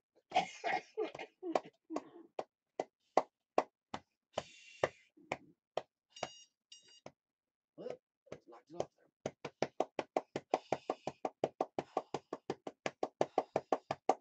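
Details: Rapid rhythmic thumping on the chest, briefly broken by timer beeps: lower-lobe chest percussion for airway clearance in cystic fibrosis; the patient reports coughing up blood over the last two to three days.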